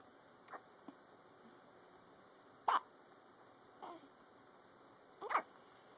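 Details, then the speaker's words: Dog named in clip has repeated hiccups: five short, soft, abrupt catches at irregular intervals, about 23 a minute, in a quiet room; hiccups. "got the hiccups, little man? Liam, they just won't leave you alone, will they?"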